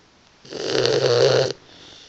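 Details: Boxer puppy napping with a single loud, rough, rattling snore about a second long on inspiration; she snores quite a bit; snoring.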